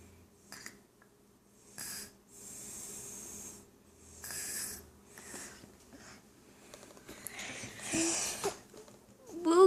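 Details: Toddler girl who fell asleep in her chair while lunch was being made: soft, noisy, whistling snoring breaths with snorts, then she wakes herself up and says she is not tired.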